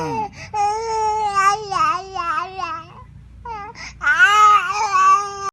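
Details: Baby fussing because of a cough: crying in whiny, wavering bursts with a brief pause.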